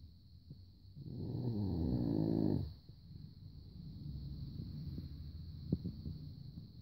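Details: Rhodesian Ridgeback dog snoring while asleep: one low, rumbling snore of about two seconds, then quiet breathing and soft room noise; snoring.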